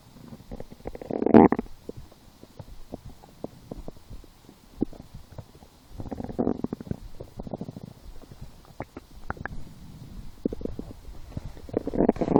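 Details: Bowel sounds (borborygmi) in a person lying down and hungry after skipping breakfast, a small lunch, then two doughnuts four hours later: irregular gurgling and rumbling bursts, louder at intervals, stomach growling.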